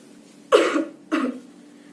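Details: Two short, dry cough bursts in a quiet room during a demonstration of proper cough and sneeze etiquette; cough.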